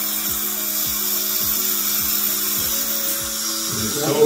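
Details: Dental drill with a steady high-pitched whine and faint music behind, used on a young boy's tooth cavity during a filling under local numbing.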